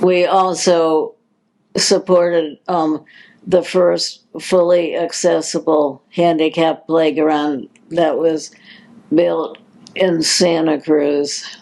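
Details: Adult woman with progressive supranuclear palsy, a progressive neurological disease with no cure, diagnosed in 2020, speaking in her own words; repeated words and hesitations; dysarthria in progressive supranuclear palsy.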